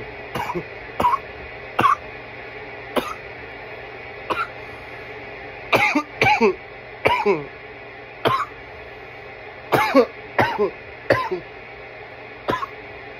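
About fifteen short harsh coughs in clustered fits, some with a throaty rasp, typical of an irritant cough after smoking.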